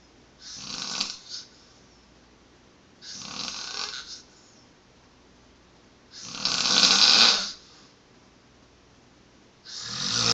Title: Man snore death